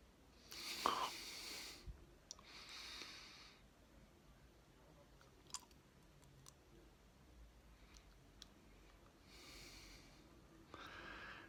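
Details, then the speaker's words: Adult with sudden adult-onset vocal tics after a bodywork course: sudden, forceful nasal snorts in short bursts in a quiet room. The person says the body is doing it involuntarily, not acted out, and that it feels like Tourette's but isn't. "It's my body's doing itself. I'm not trying to change it. I'm not acting it out."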